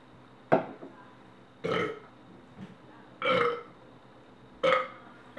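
Four loud, throaty burps, each about a second apart, in a quiet room.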